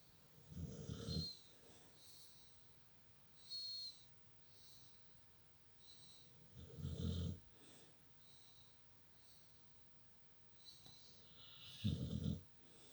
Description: Daft dog, sleeps with her head in her mum's pillows and snores away, smiling in her sleep.